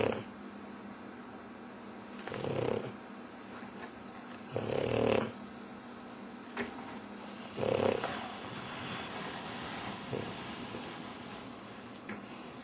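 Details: Pug dog snoring, possibly pretending to sleep: soft, snuffly snores at irregular intervals over steady room hiss.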